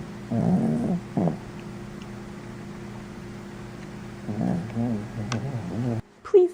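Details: Low, rumbling, rattly breathing noises in two bursts from Lacey, an old dog sleeping wrapped up, with quiet room noise between: ordinary sleep snoring.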